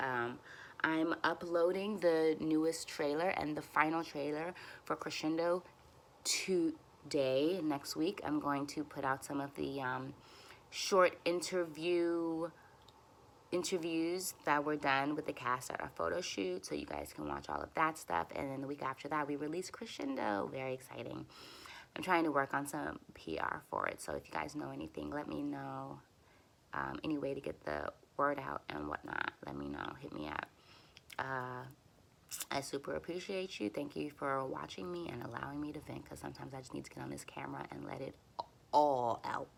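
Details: Adult woman who stutters and uses speech techniques for near-fluency, speaking while frustrated and tense, which she says makes her stutters a little longer — stuttering.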